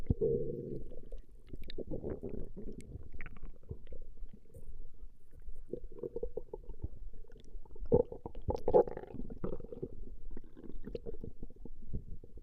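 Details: Stomach growling recorded from a woman over a 20-minute session: low, irregular gurgling and rumbling, continuous with louder bursts; borborygmi, normal bowel sounds.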